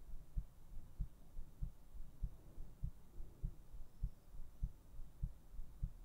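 Soft regular low thumps at about 100 beats a minute over faint hiss; a steady heartbeat.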